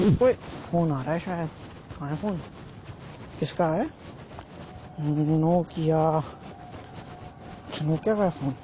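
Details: Man who stutters (stammers), doing daily speaking practice to see whether it changes his speech; stuttering.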